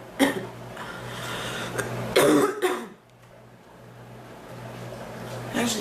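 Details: About three loud, rough coughs, one a short run of harsh bursts, over low room hum; coughing hurts her chest and back, more the back, and comes and goes.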